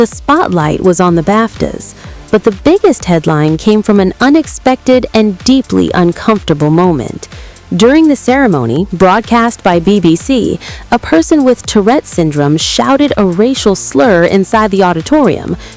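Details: Adult narrator voice with background music; ordinary speech.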